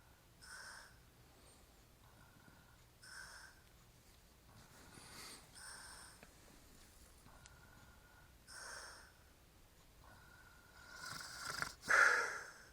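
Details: Quiet irregular snorting breaths and soft snores with a faint whistling nasal tone in a small room, from a hairy-chested man described as drunk, asleep; light snoring.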